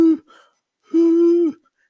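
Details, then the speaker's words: An adult imitates pediatric stridor, a short then longer steady high-pitched crowing noise on breathing in, which signals upper airway obstruction in children; mentioned alongside a seal-like barky cough. "or if they cough they might have have like a seal-like barky cough you know like or the inspiratory noise of Strider"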